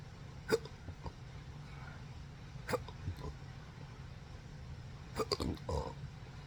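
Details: Adult with rare condition since December 2015 after surgery causing multiple nerve damage (pudendal, phrenic, vagus nerves affected, diaphragm contracting involuntarily): several short throaty gulps and small burps a few seconds apart in a quiet room; belching with hiccups.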